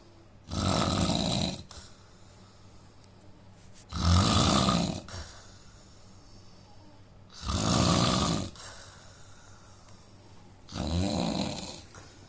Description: indian man snoring sound asmr soud problem with nose